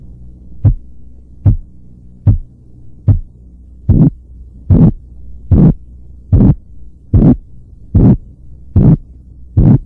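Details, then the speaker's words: Korotkoff sounds over the brachial artery in a seated, relaxed patient, arm supported at heart level, as the cuff is deflated at 2–3 mmHg per second from above systolic pressure, listening for the five phases. "Después de eso, el manguito debe ser desinflado a razón de 2 a 3 milímetros de mercurio por segundo y mientras desinflamos debemos escuchar atentamente las 5 fases de ruidos del corazón."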